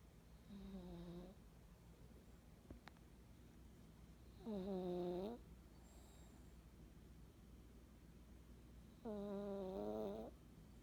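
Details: Napping in the afternoon: three loud, rattling, tonal snores on the in-breath about 4 seconds apart, roughly 13 a minute, with quiet room noise between: snoring.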